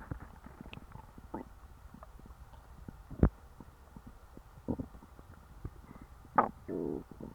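Quiet, irregular gurgles and low bubbling rumbles with a few louder squelches; ordinary stomach growling after a large meal.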